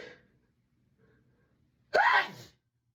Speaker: Please, Not again. I'm sorry. I have to sneeze.